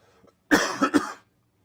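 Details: Adult man recovering from a cold gives a quick run of three harsh coughs during a live show; cough.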